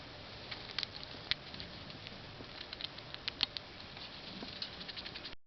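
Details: Pet rats, newly bought and all sick, sneezing constantly; rats later found allergic to bedding: tiny sharp clicks and sniffs, several small sneezes: sneezing.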